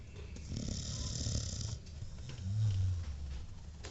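Low rumbling snores in a sleeping dog, one long snore then another, with faint room noise.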